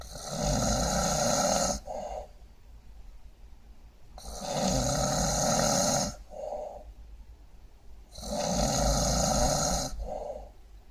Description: これは酷いいびきです。